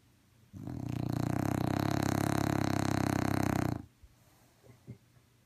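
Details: A dog snoring: one long, loud, rumbling rattle lasting about three seconds, with a fluttering vibration.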